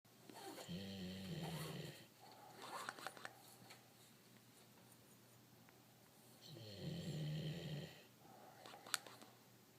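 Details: Giant Dobermann dog, not fully asleep, giving two loud, low, buzzing inspiratory snores each followed by a softer whistling out-breath in a quiet room: snoring.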